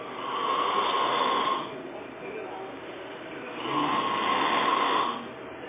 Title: Loud Snore 12